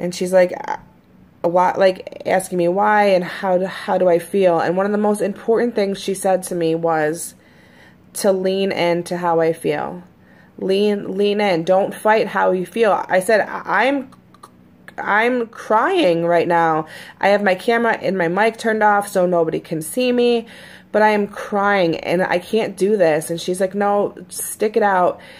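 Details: Adult woman who stutters, usually fairly fluent in her recordings, with the stutter recently more noticeable: stuttering.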